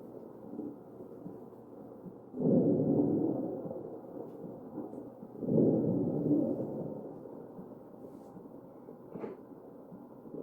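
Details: Crackles in a mechanically ventilated patient's chest.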